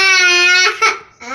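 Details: Newborn baby boy crying as his mother prepares to breastfeed him: a sustained, high-pitched, strongly voiced wail breaking off into short sobbing sounds, ordinary infant crying.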